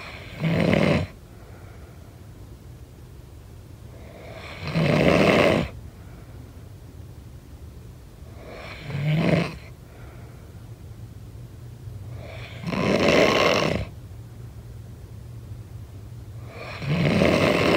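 Five rasping snores of varying strength at about 14 a minute, over steady room hum.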